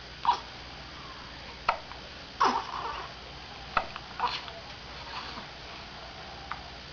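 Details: Young boy with recurrent hiccups: about five brief, sharp hiccup sounds, irregularly spaced over several seconds against quiet room noise.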